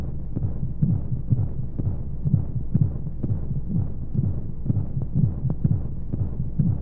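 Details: Womb-sound baby sleep aid with white noise: steady, muffled double heartbeat thumps at about 125 a minute under a low whooshing hum, like a heartbeat heard from inside the womb.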